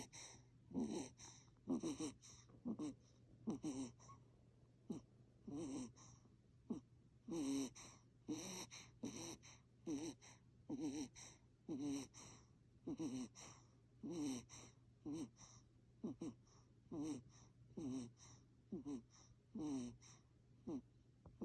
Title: Cute snoring noise of infant baby